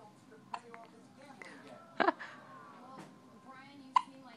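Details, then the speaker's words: Day-old baby boy's first hiccups: brief, sharp hiccup sounds at irregular intervals over soft room noise, faint voices in background; newborn hiccups. "now i am the baby has hiccups"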